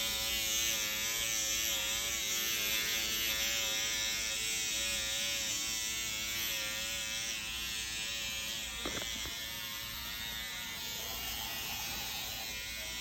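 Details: A SkinPen microneedling pen at 1.25 mm depth on an adult man's skin during microneedling with PRP, after radiofrequency treatment and under ProNox: steady high-pitched electric buzzing from the rapidly pulsing pen, with brief clicks and faint room noise.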